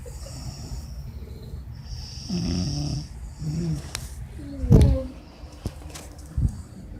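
Low rumbling, rattling snores over room noise, with a snort partway through; snoring.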